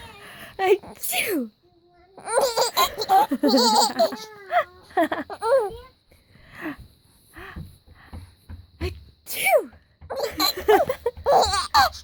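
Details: A mother's repeated sharp sneeze bursts, followed by her infant's repeated giggling and laughter in a small room: sneezing.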